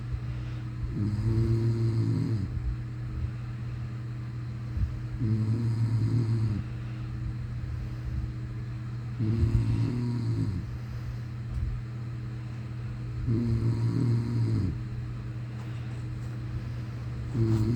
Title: snoring like a grisly bear 😴👩‍❤️‍💋‍👨🛌On morning Easter Sunday4-09-23